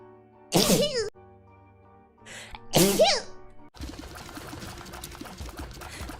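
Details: Sneeze compilation: two voiced, explosive sneezes, each a sudden rush of air with a gliding vocal tone, followed by background music.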